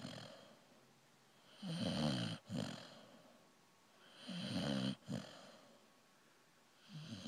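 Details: Person sleeping: rhythmic rattling snores on each breath in, two snores in about seven seconds with a quiet pause between, in a small quiet room.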